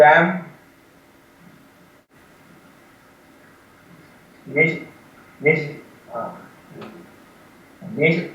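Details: Young man from India with severe stuttering and 'breathing stupor'; reading a word list with word repetitions; stuttering.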